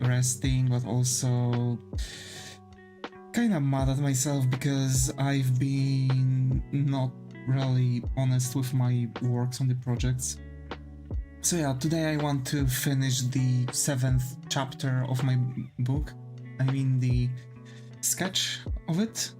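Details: Male streamer with long-standing stuttering, never seen by a specialist; he says he mostly grew out of it and thinks it was most likely caused by stress.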